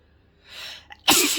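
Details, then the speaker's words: Adult woman's sneeze induced by sniffing pepper, which tingles her nose; breathy in-breath and short catch, then one sharp, loud sneeze. "just take some pepper pepper always works for me it just makes my nose tingle and ah oh i'm gonna sneeze"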